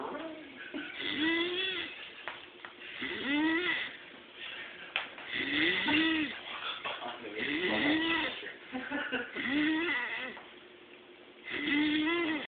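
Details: An adult male friend who does not believe he snores gives repeated nasal, whistling snores with a rising and falling tone, about 28 a minute, in a quiet room; snoring.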